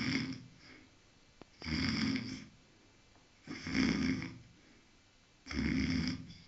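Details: Guard dog sleeping at night: three loud rattling snores at a steady pace, about 30 a minute, with quiet gaps between them; ordinary snoring.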